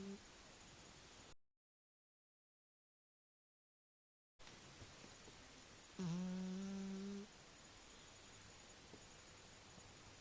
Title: My cat snoring